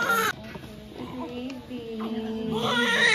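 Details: Strong, high-pitched wailing cries with brief pauses from a newborn just after birth at a lying-in clinic, the first baby of a 20-year-old mother at 39 weeks; a normal vigorous first cry.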